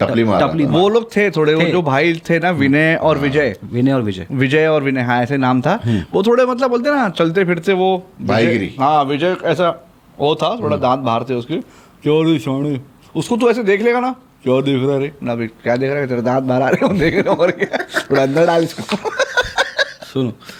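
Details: Adult man; normal speech.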